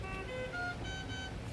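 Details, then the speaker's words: PB 840 ventilator high-priority alarm (e.g. high pressure) during a lecture, no patient connected, volume turned down: steady electronic alarm tones at changing pitches over low room hum, red indicator lit. "That's your high priority. My patient's not hooked up. But anything that causes a high priority, like high pressure alarm, makes that sound and the red go off."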